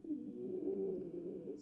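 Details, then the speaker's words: Wheeze, typically heard during expiration as air is forced through inflamed, irritated airways: continuous musical, low-pitched whistling breath sound, teaching chest-exam recording. "and we typically hear this during expiration Linnea the air with that air is really being forced through those inflamed irritated Airways"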